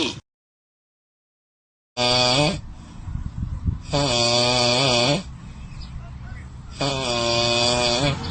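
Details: Imitated snoring for comedy: three long, loud rattling snore-like sounds with a buzzing voiced tone, separated by quieter breathy gaps, illustrating types of snoring.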